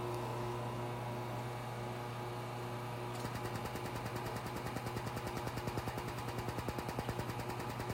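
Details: Laser Genesis skin treatment around the eyes of a female client wearing protective goggles: steady machine hum, then rapid regular ticking laser pulses during treatment.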